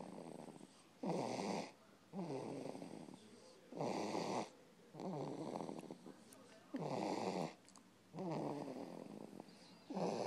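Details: Rhythmic rattling snores, about five over ten seconds, each a coarse vibrating inhalation with quiet pauses between; ordinary snoring.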